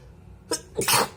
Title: very wet sneezes + nose blowing on kleenex